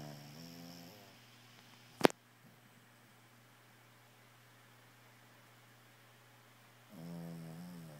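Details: Dog napping on a comfy bed, snoring: soft, rumbling snores, one at the start and one at the end, with a brief click and quiet between.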